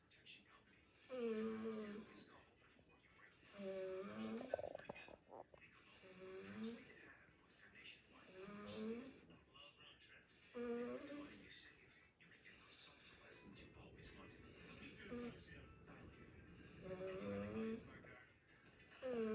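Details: Dog, worn out, snoring loudly: regular rough, slightly whistling snores, about eight in twenty seconds, in a quiet room.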